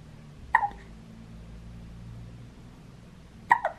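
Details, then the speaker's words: Newborn boy in his first weeks, born 7 August 2019, gives two brief, sharp hiccups about three seconds apart amid grunting over quiet room noise; hiccups. "listen to this pickups and the grunting and the hiccups which is so cute"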